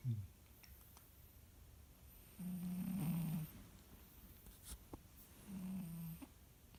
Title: Kitty snores